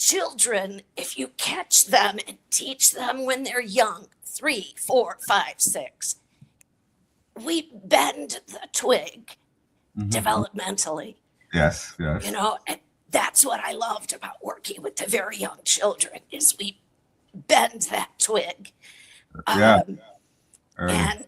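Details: Adult woman with chronic spasmodic dysphonia that took away her singing voice, treated with Botox injected directly into the vocal cords every three months, voice cycling worse and better around each injection; real patient speaking; spasmodic dysphonia.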